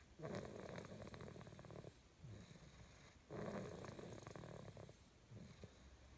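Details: Rough, rattling snores about every three seconds from a sleeper, with quieter noisy breaths between; snoring.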